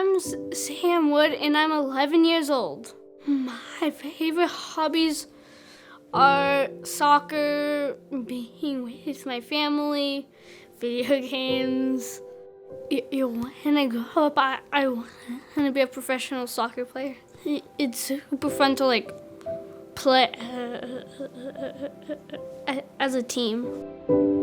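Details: 11-year-old boy who stutters and needs a little more time to get his words out; stuttering.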